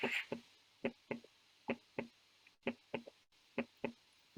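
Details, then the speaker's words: Demonstration heart recording of a gallop rhythm, heart sounds in groups of three like a horse's hoofbeats, about 65–70 cycles a minute; described as usually seen in heart failure. "Ini yang kita sebut dengan galop ya, seperti suara tapak kaki kuda. Berap langkah kuda ini biasanya pada kondisi gagal jantung."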